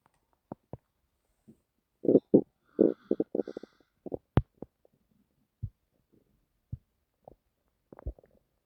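Scattered gurgles and short rumbling bursts between quiet gaps: stomach growling, ordinary bowel sounds.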